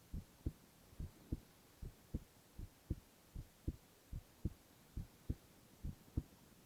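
Steady paired low thumps, lub-dub, at about 70 beats a minute; a regular heartbeat with quiet background hum.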